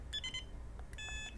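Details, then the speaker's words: Beeping of the charger for a rechargeable deep brain stimulator implanted to treat dystonia: brief electronic tones with quiet room noise. ">> it has like a beeping noise."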